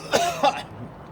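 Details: Irritant cough during the cinnamon challenge: two short, harsh, throaty coughs in quick succession from dry cinnamon powder caught in the throat.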